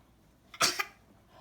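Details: A single brief, breathy cough-like burst from a baby, made on purpose rather than from illness: a voluntary fake cough.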